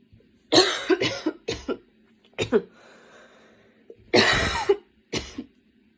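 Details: Coughing fit that came on suddenly on a Saturday afternoon while studying and worsened until studying had to stop, with frequent position changes: repeated harsh coughs in clusters, about six bursts over six seconds, in a quiet room.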